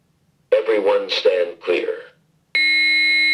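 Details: A short spoken device prompt followed by a steady electronic tone from a training AED guiding the rescuer, in a demonstration of adult CPR and defibrillation under the 2010 guidelines.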